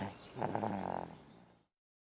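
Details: Single rough, fluttering breath noise that fades out, likely a dog snoring.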